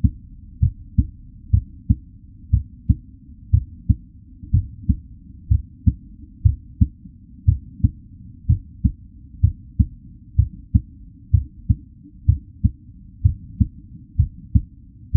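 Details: Real recording of a normal heartbeat: steady, regular lub-dub at about 63 beats per minute, a normal resting rate.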